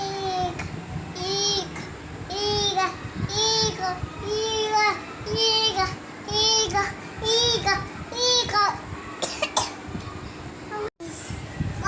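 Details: Cough.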